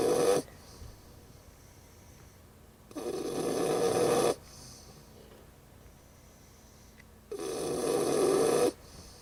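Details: 2-year-old Pug and 3-month-old English Bulldog snoring: slow, regular rasping snores, about one every four seconds, with quiet pauses between.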